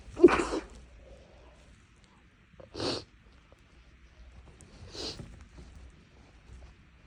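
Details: Three sharp sneezes in quick succession with short breaths between, after a nose tickle from something inhaled and a nose bothered for a couple of days; a sneezing fit.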